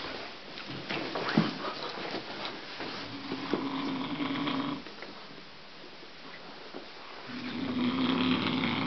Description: people are usually nice when they sleep, but this man is different! He's nice only when awake, while sleeping is a nightmare for other people :DDDDDDDD